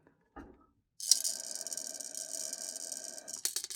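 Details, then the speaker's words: A brief click, then a steady, high, airy hiss lasting about two seconds as air is drawn quickly through an incentive spirometer during a demonstration of fast inhalation that drives the indicator high in its chamber. "Whereas when I breathe in really quickly,"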